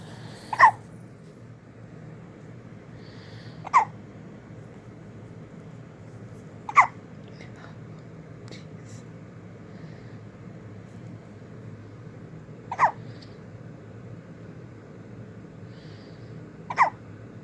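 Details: Five sharp, abrupt hiccups at irregular intervals, roughly 10 a minute, over a steady room hum; hiccups.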